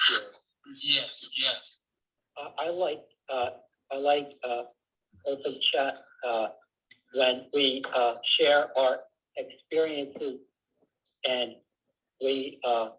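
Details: Adult man speaking over a call; Aphasia (non-fluent, hesitant speech).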